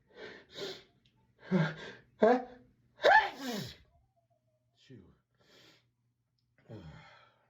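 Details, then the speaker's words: Series of sharp, repeated sneezes with catching breaths and gasps between, then quieter sniffs; the person apologizes for being unable to stop sneezing. "Oh, sorry. I have to sneeze again."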